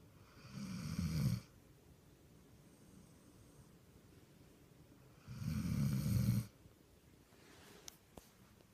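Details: Snoring from a dog sleeping on her back: two long, low, rattling snores about four seconds apart, with quiet room noise between them.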